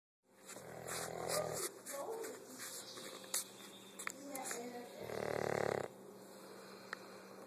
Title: Let snoring dog sleep....